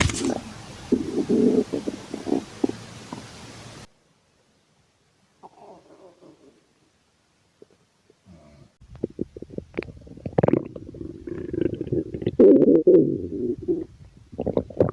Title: My stomach growling compilation(hungry) #stomachgrowl #stomachgurgles